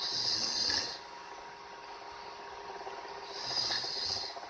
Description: Bitch snoring.